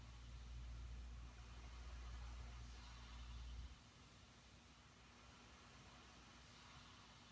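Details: CPAP machine running during sleep: steady low motor hum with soft airflow hiss; the louder hum drops partway, leaving quieter even noise.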